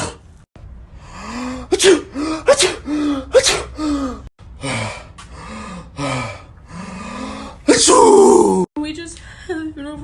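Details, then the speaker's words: Rapid voiced gasping in-breaths building up, then a loud sudden burst; a sneeze with its lead-in. "Oh hold on one second guys I feel a sneeze coming oh sorry"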